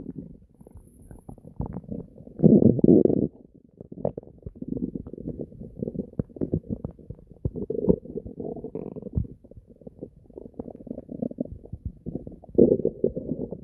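Continuous low gurgling with bursts of deep rumbling growls from the stomach: ordinary bowel sounds (borborygmi).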